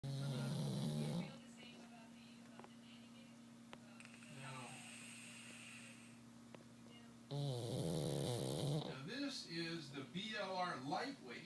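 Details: Female pug in deep sleep snoring: loud, rough, buzzing snores with a steady hum, separated by quieter breaths.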